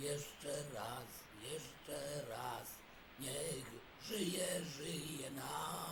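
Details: Man after total laryngectomy with voice prosthesis, singing a song again in a clinical recording; tracheoesophageal voice described as very good with ability to modulate; tracheoesophageal voice after total laryngectomy.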